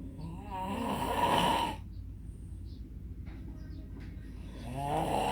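A long, low rattling inhaled snore, a pause, then the next snore starting; typical snoring.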